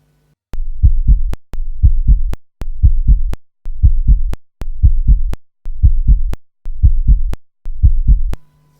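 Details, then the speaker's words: Regular low 'lub-dub' normal heart sounds at about 60 a minute from the valves closing, auscultated with a stethoscope at the front of the chest, centre and left, during a physical examination. "lo primero que vamos a oír es el famoso pumpu que todo el mundo conoce y Qué es ese pum pum pues es el ruido que hacen las distintas válvulas que tiene nuestro corazón durante su ciclo de funcionamiento"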